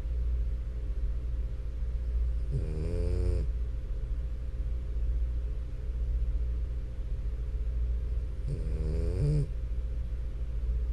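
Two nasal, fluttering snores from a sleeping flat-faced dog, about six seconds apart, over a steady low hum.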